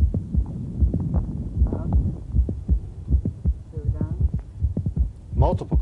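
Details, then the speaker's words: Mitral valve prolapse during the strain phase of a Valsalva maneuver, with reduced venous return and smaller left ventricle: regular heartbeats near 79 a minute with extra sharp systolic clicks, coming earlier and multiple. "during the strained phase you diminish systemic venous return and eventually shrink left ventricular volume so if you're starting at a smaller volume the prolapse or the slip will occur more"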